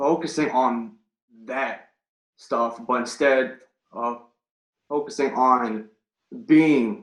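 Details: Stuttering in an adult man who has stuttered since third grade, recorded before starting a stuttering coaching program.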